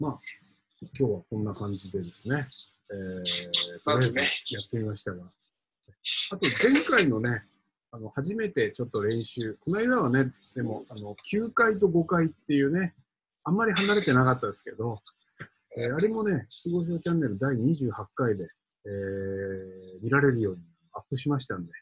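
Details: Adult man speaking Japanese; ordinary speech.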